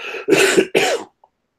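Two quick, harsh cough bursts, a lingering cough left over from a cold that is mostly better.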